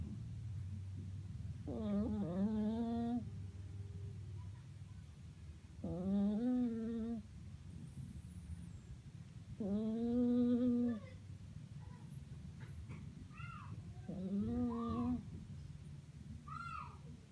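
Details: Flat-faced (peak-nose) cat snoring: slow, rhythmic, tonal snores about 14 breaths a minute, each inward breath a buzzing drone; noisy breathing typical of a flat-faced cat.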